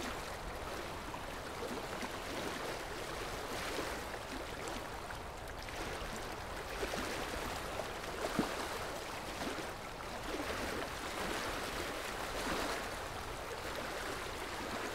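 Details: Dental tartar removal by a dentist using ultrasonic scaling with water spray and suction: a continuous watery hiss and gurgling suction throughout.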